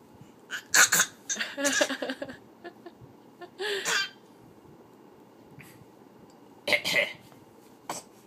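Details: A child and dad playfully coughing back and forth at each other: several short, sharp voluntary cough bursts traded, mixed with voiced sounds and laughter.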